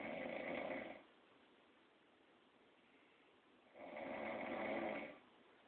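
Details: Adult woman snoring in sleep: two long, rumbling snores about four seconds apart, with quiet between them.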